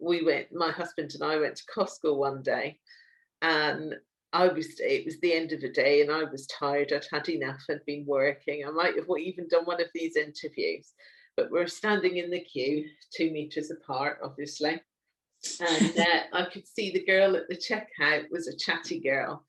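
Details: Adult woman speaking; ordinary speech.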